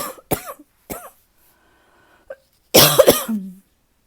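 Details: Tickly cough, possibly starting to improve: several short, dry, throaty coughs, then a louder double cough with a throat-clearing tail.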